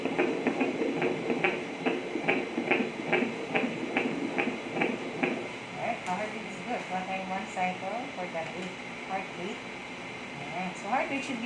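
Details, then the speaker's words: Fetal heartbeat of a baby boy at 35 weeks 6 days, heard by Doppler during an ultrasound with the baby lying prone: rhythmic whooshing pulses at 143 beats a minute, normal within 120–160. "120 to 160. So 143 is normal."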